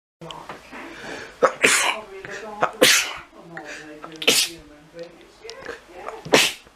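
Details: A run of four sharp, explosive sneezes with sniffing and snorting between them, which the sneezer blames on plants; repeated sneezing.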